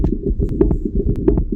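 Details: Bicuspid aortic valve: repeating heartbeat at about 90 a minute, each cycle with a sharp high-pitched early systolic ejection click over a low rumbling background.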